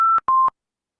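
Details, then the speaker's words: Ventilator high-priority alarm, two short electronic beeps (higher then lower), on a patient in pressure-control ventilation with low tidal volume and high respiratory rate; teaching example on ventilator graphics. "your ventilator gives an alarm sound like this okay you can see the title volume is low it's a pressure control ventilation so there is no question of pressure going up respiratory rate is high"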